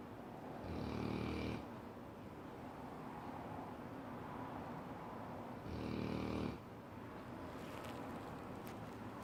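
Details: Loud snoring from a sleeping Cane Corso dog: two deep, rattling snores about five seconds apart, roughly 12 breaths a minute, over steady room noise.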